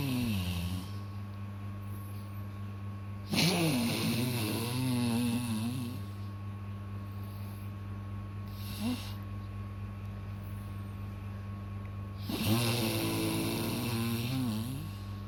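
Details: Loud, rough, rattling snoring on two long breaths in about fifteen seconds over a steady hum, heard beside a baby who is startled by the snoring sound.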